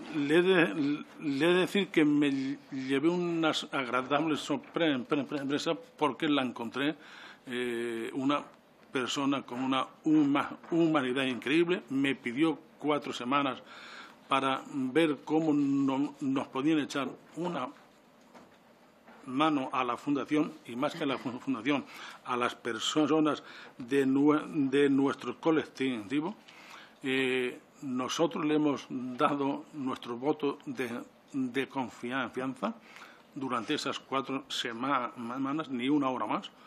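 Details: 69-year-old adult man with self-reported real stuttering, speaking spontaneously in person at a parliamentary commission; he says he takes longer to say things than to think them; stuttering.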